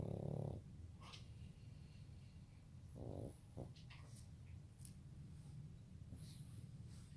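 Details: A French bulldog puppy, exhausted and asleep after a long walk, gives a few low, rough, snorting snores over a steady background hiss: loud snoring.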